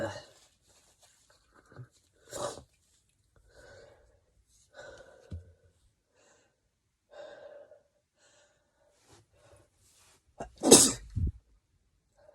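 Several soft, stifled sneezes with breathy intakes, then one louder wet sneeze near the end.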